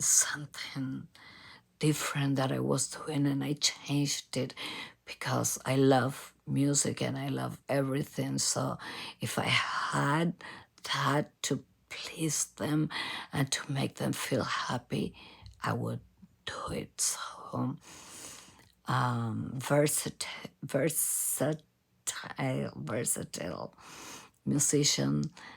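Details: Adult female professional singer from Argentina with abductor spasmodic dysphonia, in which spasms of the vocal cord muscles open the cords. Onset was in 2015 and it has been worsening despite repeated Botox injections.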